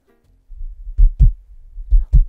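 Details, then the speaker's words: Simulated, game-style heart transplant performed through a viewer-controlled robot: two pairs of deep lub-dub thumps heard after the heart is placed; not a real patient. "I hear a heartbeat that means the Sandwich Works"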